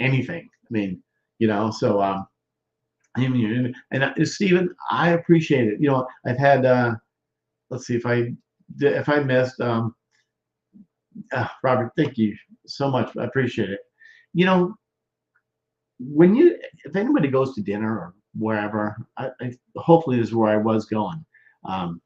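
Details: Male stroke survivor more than 13 years post-stroke with non-fluent aphasia; expressive (Broca's) aphasia.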